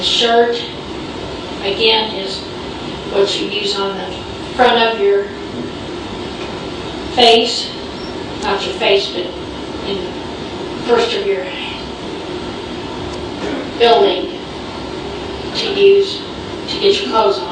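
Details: Female patient with semantic variant primary progressive aphasia and extensive temporal lobe atrophy including parts of Wernicke's area; she reads words perfectly but gives wrong definitions: profound impairment of word comprehension.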